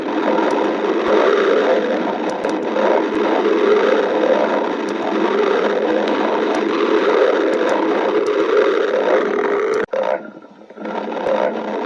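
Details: Stomach growling (borborygmi): a long, continuous rattling rumble with a shifting gurgly texture that breaks off briefly near the end, then resumes.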